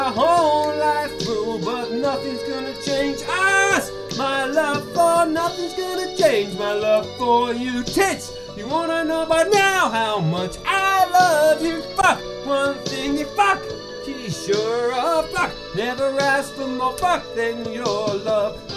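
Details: Singer with Tourette syndrome singing karaoke, with involuntary obscene words and shouts interrupting the lyrics; vocal tics with coprolalia (Tourette syndrome).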